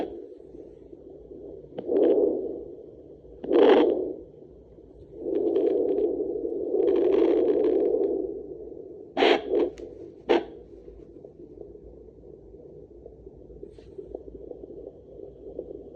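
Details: Muffled whooshing with scraping probe noise and brief pulsing bursts as a pregnant mother searches her own belly with a home Doppler; a faint fetal heartbeat that is hard to find and keeps dropping out.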